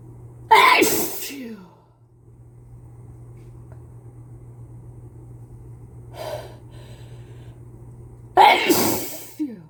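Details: Person with a cold sneezing repeatedly into a face mask: two loud, forceful sneezes with a softer one between, slightly muffled by the mask, over a steady low room hum.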